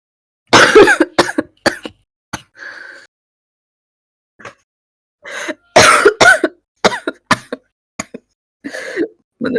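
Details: Woman, former smoker, with suspected vaping-related lung injury (EVALI), coughing all day and thinking she caught a cold: repeated harsh, wet-sounding coughs in clusters with throat clearing between; persistent congested cough.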